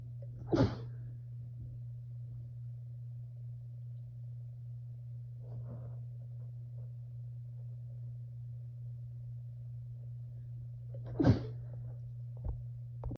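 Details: Two muffled sneezes into a t-shirt about ten seconds apart, dampened by cloth, with a soft sniff between them over a steady low hum.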